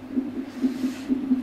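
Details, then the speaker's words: Fetal heart monitored with a sensor on a pregnant woman, contractions also being monitored, in a report on midwife follow-up of COVID-19-positive pregnant women: fast, rhythmic whooshing pulses about 130 beats a minute; normal fetal heartbeat. "on a le capteur pour écouter avec un coeur du bébé et puis du coup voilà comme avec l'autre on va pouvoir voir si la décontraction"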